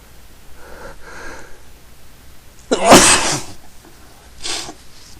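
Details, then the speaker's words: Person sneezing repeatedly in a run, announcing each coming sneeze: quick breaths in, then one loud explosive sneeze, followed by a softer breathy sound. "Oh, fuck, I'm gonna sneeze again. I think that's it for now. I got one more belly. I'm gonna sneeze again. I have to sneeze."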